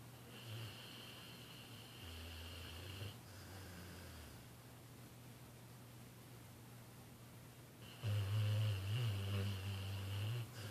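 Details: Snoring while sleeping, tired after the New Year fireworks finally stopped: low, rumbling snores on the in-breath with quiet pauses between them, over room noise.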